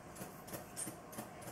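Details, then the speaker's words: Rhythmic soft hissing squeezes, about four in under two seconds, as a hand bulb inflates a sphygmomanometer cuff on the upper arm over the brachial artery, toward at least 180 mmHg; a teaching demonstration. "we're going to first tighten the cuff and we're going to go ahead and pop some air in here"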